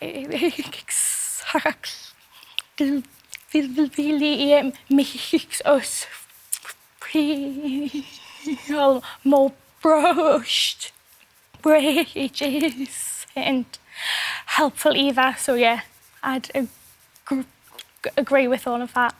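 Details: Adult male singer who has had a stammer since his school years; stammering.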